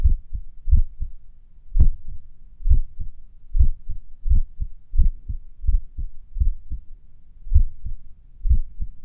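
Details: Heartbeat recorded a few minutes after morning exercise: low thudding beats at roughly 80 per minute with gaps that lengthen and shorten, sinus arrhythmia during recovery.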